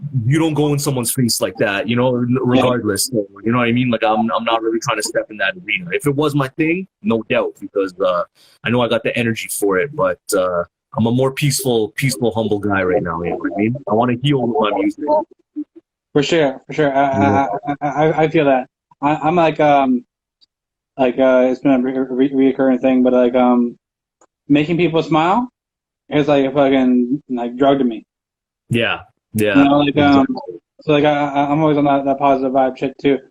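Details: Adult male interview host who reports having a stutter and stuttering in his interviews; stuttering.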